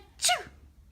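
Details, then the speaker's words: Single short, sharp, hissing sneeze from an adult, faint room noise, sneezing done to make a baby laugh; ordinary sneeze. "seriously this is crazy what is it about you sneezing that makes every child laughs"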